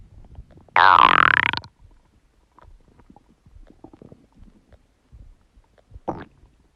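A loud, long, squeaky gurgle from the stomach, then soft bubbling and a short second gurgle; ordinary bowel sounds.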